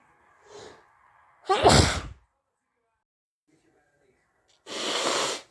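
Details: Two itchy sneezes: a sharp inbreath, then a loud explosive sneeze, followed after a pause by a second, hissing sneeze.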